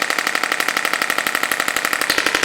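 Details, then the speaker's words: Radial shockwave handpiece working between lumbar vertebrae, about a centimeter deep, on a woman with 5+ years of chronic lower back pain, lumbar flexion loss and adhesion. Fast, steady rattling pulses, about a dozen per second, while she rounds her back. "the original application of this machine was to break down kidney stones. So if it can break a kidney stone deep in through your organs, it can certainly break a little bit of fibrosis and adhesion about an inch into the skin."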